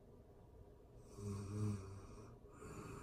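One soft, rumbling snore followed by a quieter breathy exhale in a quiet room: snoring during sleep.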